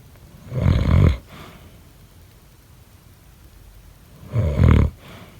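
Two loud, low, rattling snores on breathing in, about four seconds apart, with quiet breathing between: snoring.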